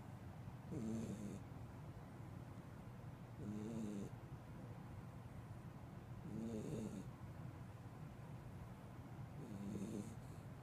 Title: Corgi Puppy Snoring